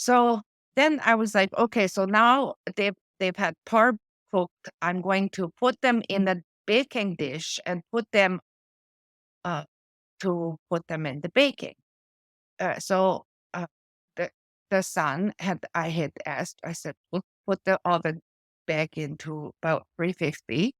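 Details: Adult woman with post-stroke aphasia from a stroke affecting her brain's language area, with word-finding difficulty: words drop out mid-sentence and she substitutes old-fashioned or inappropriate words: aphasia.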